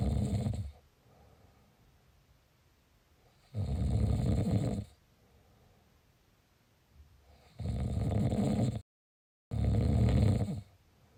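Heavy, rattling snores every few seconds with quiet breathing between them; a brief dropout near the end: snoring.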